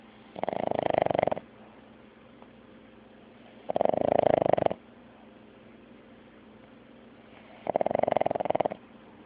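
Three long, buzzing, fluttery snores about every four seconds, roughly 15 breaths a minute, with quiet pauses between; snoring from a sleeping small animal.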